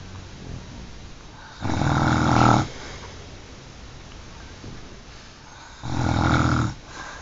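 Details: Snoring during sleep, recorded in surround sound: two long, low rumbling snores about four seconds apart over quiet breathing.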